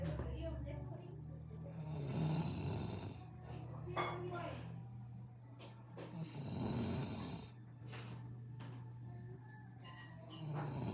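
Loud rattling snores on the in-breaths, repeating in slow cycles, with some music in the background; ordinary snoring.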